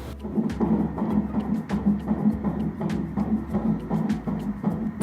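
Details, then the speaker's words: Fetal heartbeat at the first pregnancy ultrasound, within weeks 8–12: fast, steady whooshing pulses at about 160 per minute, with the baby measured and progressing well. "we even got to hear the heartbeat which I will insert now"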